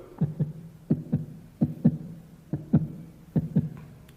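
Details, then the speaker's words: A Gujarati teacher vocally imitates a rapid heartbeat with paired lub-dub thumps, showing how heart rate rises after running, alongside faster breathing and greater oxygen demand in the muscles. "આપણે દોડીને આવીએ ને પછી આપણે જોઈએ તો આપણા હૃદયના ધબકારા જે છે"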